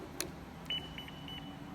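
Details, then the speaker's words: Alaris IV pump being loaded, set to 100 mL/hour from a 500 mL bag: three short high beeps as the tubing cassette seats, confirming the tubing collar is seated properly; infusion pump cassette confirmation beeps. "and you heard the three beeps you're gonna want to hear that tricare sensor verified tubing collar is seated properly below cassette"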